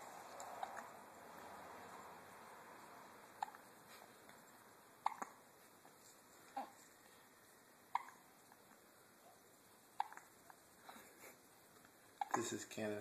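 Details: Two-week-old baby boy with hiccups: soft, brief hiccup sounds recurring every two to three seconds over steady room noise; newborn hiccups.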